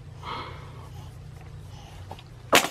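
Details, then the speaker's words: A quiet breath, then one sudden sharp sneeze from a baby boy sick with bronchiolitis, coughing, congested, fever down. "bless you I know I know this isn't fun we'll get through it"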